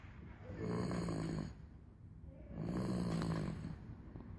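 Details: Snoring in a 3-month-old baby: soft, low rumbling snores, about two in four seconds, over quiet room noise.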